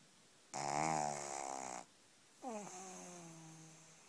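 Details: Snoring in a sleeping pug puppy a few weeks old: two tonal, whistling breath sounds, a longer buzzy one then a falling squeak, with nasal whistle.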